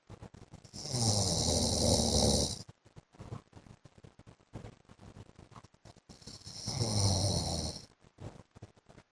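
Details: Two loud, harsh, rattling snores about five seconds apart from a sleeping husband, with ticking room noise between them; heavy snoring during sleep.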